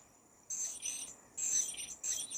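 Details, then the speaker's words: Sharp, very high-pitched hissing whine in three short bursts from an ultrasonic dental scaler at higher power, with water spray, demonstrated on an egg rather than a patient. "보시니 무섭죠 스케일링 소리 들어보세요 중간 정도일때 소리입니다."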